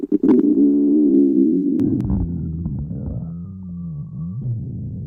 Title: stomach growling